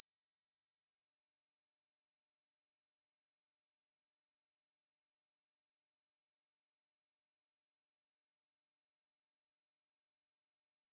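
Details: Tinnitus pitch-matching test tone stepping from 3000 Hz upward in 10-second steps, meant for headphones at low volume: a steady, very high pure tone rising slightly in pitch.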